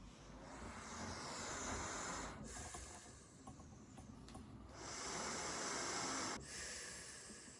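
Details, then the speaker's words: Travel CPAP machine recorded with a sensitive microphone held right up to it: steady airy hiss and whoosh swelling and easing in breath-like cycles about 16 a minute, with brief quieter dips; CPAP machine noise. "I'm going to put it right up to the machine, record a little bit of the noise from each machine, so you can get a bit of a profile on the noise the different machines make."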